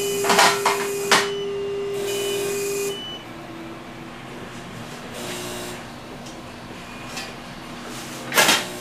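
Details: Non-vacuum phacoemulsification (NVP) used throughout the procedure, case 2: steady tones and beeps from the operating-room machine, hissing and short clicking bursts over low room hum; phacoemulsification machine sounds.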